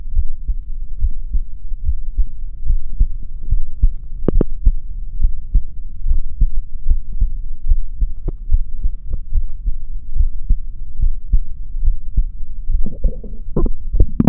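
Steady low heartbeat thumps at about 72 beats a minute, a normal adult rhythm.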